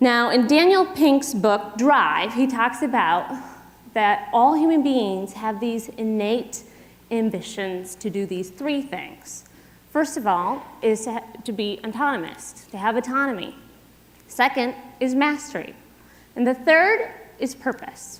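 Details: Adult woman speaking; ordinary speech.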